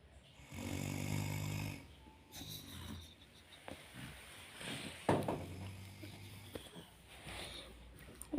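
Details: Person asleep and snoring: low, rattling snores with each breath in, with soft room noise and brief talk; snoring.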